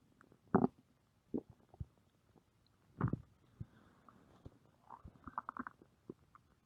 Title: (Reuploud) Stomach Growl